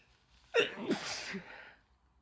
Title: Apparently I wasn't quite done with the sneezing and nose blowing